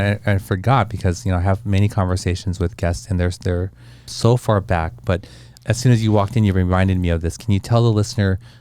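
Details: Adult man speaking in conversation; typical voice.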